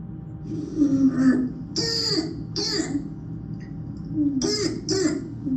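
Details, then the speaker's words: Barking cough of croup played in a microbiology lecture: four harsh, hoarse, seal-like coughs in two pairs with a little voice sound between them. "So this is that barking cough that you hear with croup. And some of you may have had kids that have gone through this, so you may recognize it."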